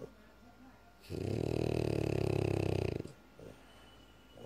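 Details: French Bulldog snoring very loudly: one long, loud, rattling snore of about two seconds with rapid fluttering vibration, then quiet.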